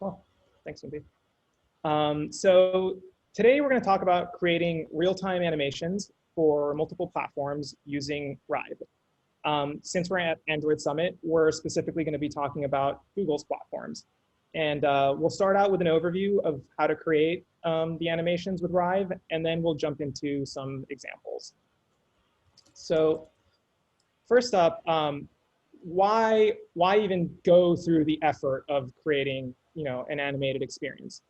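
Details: Adult male speaker; no disorder.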